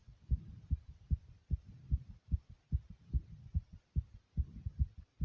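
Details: Self-recorded heartbeat of the uploader: fast, strong, regular thumping at roughly 145 beats a minute, a rapid heart rate (tachycardia).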